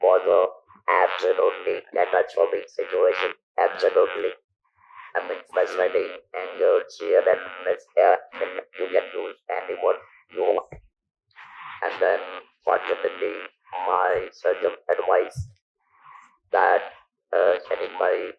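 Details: Male survivor of stage 4 vocal cord (throat) cancer since 1997 (about 10,000 days), who lost his natural voice after surgery; speaks with an electrolarynx device; electrolarynx speech.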